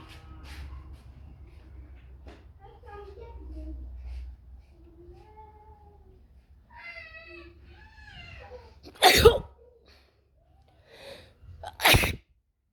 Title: Wide Nose Sneezes Africa.